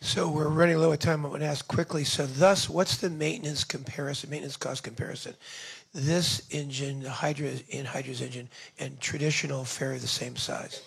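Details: Adult male speaker; Normal speech.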